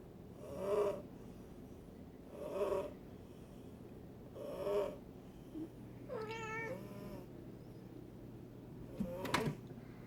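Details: Sleeping silver Bengal cat snoring: soft, regular breaths about 30 a minute, with a brief meow and a click later on.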